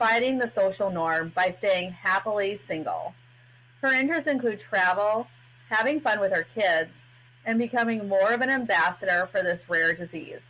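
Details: Adult woman speaking; typical speech.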